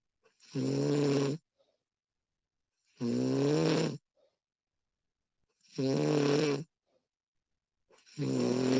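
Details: Real recording of a woman snoring during sleep: loud, rough snores on each in-breath, about 23 a minute, separated by quiet pauses.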